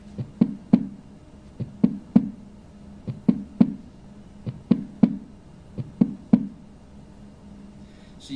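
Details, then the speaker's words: Slow heart rhythm with a soft, lower-pitched extra sound just before each S1, giving a "stiff wall" cadence: an S4 gallop (fourth heart sound). "kind of have to almost anticipate it don't you because the sound is soft and lower pitch than S1 so you have to kind of anticipate it coming before S1 and it's going to sound like a stiff wall a stiff wall a stiff wall a stiff wall"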